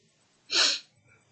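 One sharp, explosive sneeze with a brief airy burst, from an adult with COVID-19.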